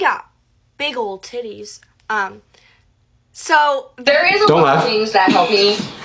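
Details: Involuntary vocal tics interrupting speech in severe Tourette syndrome, with many recent medication changes, currently on the antipsychotic Seroquel.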